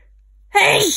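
A single loud, sharp sneeze bursting out after a brief silence, in an adult with a cold.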